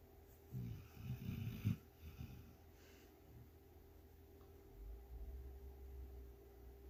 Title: Let sleeping (and snoring) dogs lie. 😴